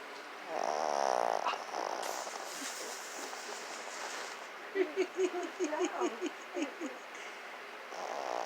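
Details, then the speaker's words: Sleeping Chihuahua snoring: a droning snore followed by a run of short rattling, snorting breaths. "Bucky. You're snoring, buddy."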